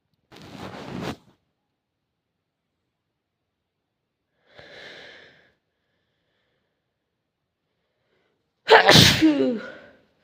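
Three separate sneezes with silence between them, the last one loud and forceful.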